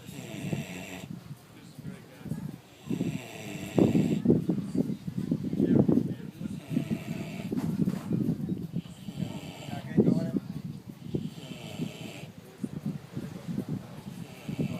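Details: Large pig (boar, reportedly 850) sound asleep on a beach, snoring: rough rumbling grunts and snorts repeating irregularly with each breath over faint outdoor noise.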